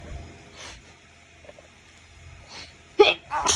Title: Bedtime stifled sneezes (trying to be quiet, so I don’t wake my bf)